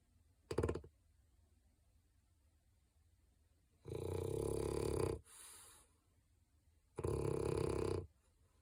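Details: Loud, long rasping snores on the in-breath with quiet pauses between, from Digger, a French bulldog: heavy snoring.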